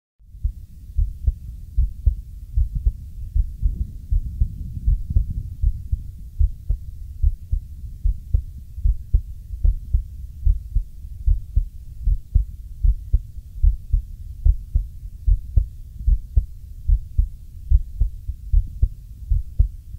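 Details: Real recording of a male's own heart: steady, regular low thumping heartbeat at about 75 beats a minute over a soft constant hum; normal heartbeat.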